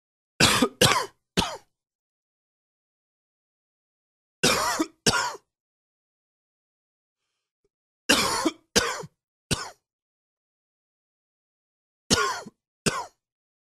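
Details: Adult's intense morning coughing fit: about ten harsh coughs grouped in short clusters of two or three.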